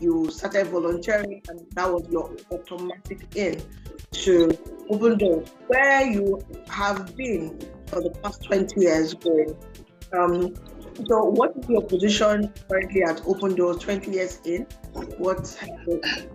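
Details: Adult host speaking; typical speech.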